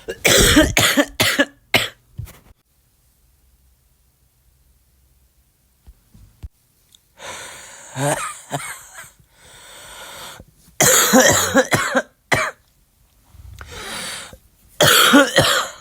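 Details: Adult with flu: bursts of harsh, congested coughing in clusters, with noisy breathing between; influenza cough.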